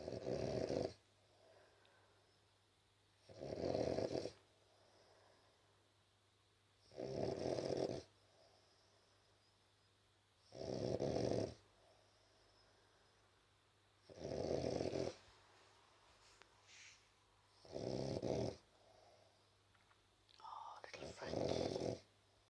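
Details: French Bulldog snoring while sleeping: loud rhythmic snores about 17 a minute with quiet gaps between.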